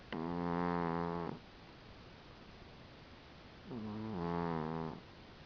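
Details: Dinah, a cat, snoring in sleep: two drawn-out, buzzy, humming sounds on the breath separated by a pause.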